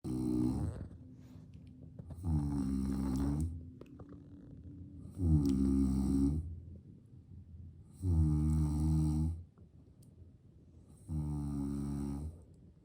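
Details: Father asleep while his baby enjoys his snoring: loud, regular, low rumbling snores on each in-breath, about five in 13 seconds, with quieter breathing between. Snoring.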